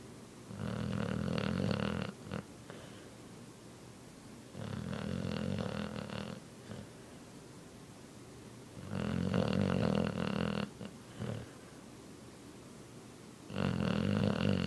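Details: Blue nose pit bull in deep sleep: loud, rattling snores, about four breaths in 15 seconds, with short snorts between.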